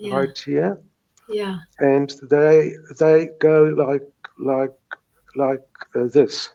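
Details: Stuttering in a South African retired man in his 70s, present since age three, now with mild residual blocks.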